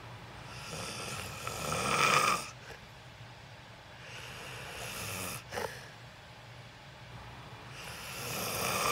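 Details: Loud snoring during sleep in a self-recorded sleep video: rough snoring that builds and then stops abruptly, with a short snort in the pause before the next breath builds again.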